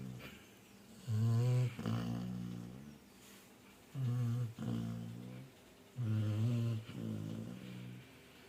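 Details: Dolly, a female Labrador, snoring after eating and drinking well: deep droning snores with a vibrating, groaning quality, repeating every couple of seconds.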